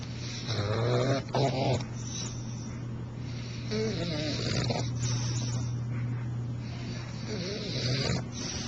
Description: bulldog snores,funny!